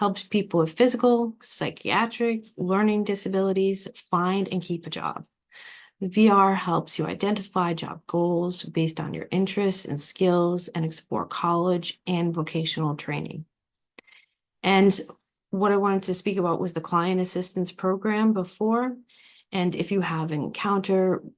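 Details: Adult woman speaking; normal speech.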